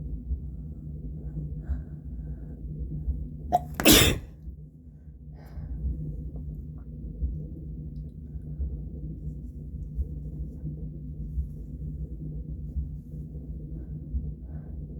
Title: Two quick induced sneezes